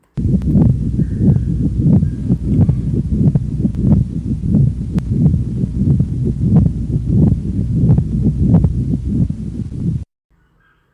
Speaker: the rub sounds like pieces of leather squeaking as they are rubbed together rubs are best heard with the patient leaning forward or your hands and knees with breath held in expiration so this is what a pericardial friction R sounds like